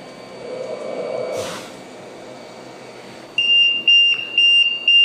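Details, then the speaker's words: LTV 1200 ventilator during a simulated mains power failure, with the external power source disconnected and the battery not charging: after soft hum and rustle, a loud high repeating beep at about two per second; ventilator power failure alarm. "ventilador nos demuestra a través de la alarma y podemos ver está desconectada la fuente externa no estamos cargando la batería"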